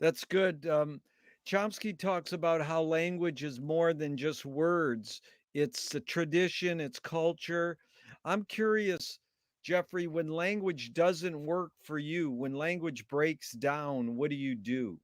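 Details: Adult male speaker; Normal fluent speech.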